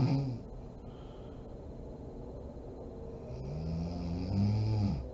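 Low rumbling snore on breathing in, with soft breathing between snores, from a sleeping adult.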